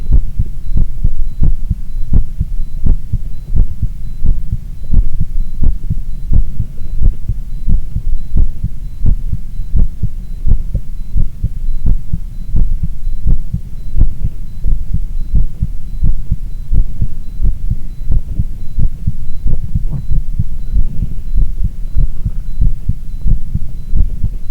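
Steady low heart thumps at about 86 beats a minute, with a faint monitor tone behind.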